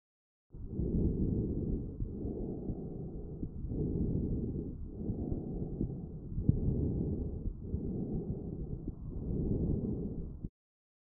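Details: Bronchial breath sound recorded with a StethoMe electronic stethoscope and classified by AI: harsh, hollow breath noise, about equally loud breathing in and out, with brief gaps between phases.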